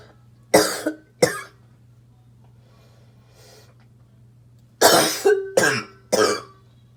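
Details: Smoker's barking cough: six harsh, explosive bark-like coughs in two bursts, two then four, over a low steady hum.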